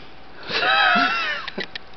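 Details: Adult man (stepdad) asleep under a blanket, snoring loudly: a single drawn-out, whistling snore on an in-breath with a faint snort after it.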